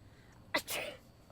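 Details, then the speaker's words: Single staged sneeze from a woman in a comedy sketch: a sharp intake burst followed by a hissing release, with quiet room noise; sneezing. "oh bless you let me ask you something you sanctimonious little prick what was the plan here my girlfriend sneezes you say bless you she says thank you"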